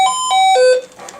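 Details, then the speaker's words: Three descending electronic chime tones: a Posey bed or chair exit alarm plugged into the bed exit jack of an Ascom Telligence C600 nurse call system, generating a nurse call. "by connecting it to the nurse call system into the orange labeled jack that says bed exit we're now able to generate a nurse call and a chair exit or bed exit alarm"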